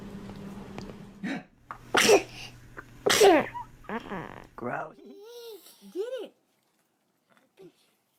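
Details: Two sharp sneezes from a baby, followed by babbling and fussing over faint background noise; infant sneezing.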